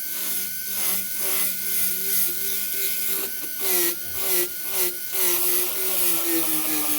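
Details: Whirring dental handpiece whose pitch dips and recovers in short bursts as the bur trims the distal wall for parallelism, finishing a Class I bow-tie cavity on a premolar.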